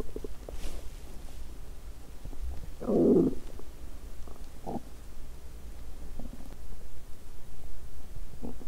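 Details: Stomach sounds after exercising on an empty stomach, which caused a feeling of being unwell: low rumbling and gurgling with a few louder bubbling bursts over a quiet steady hum; stomach growling, bowel sounds.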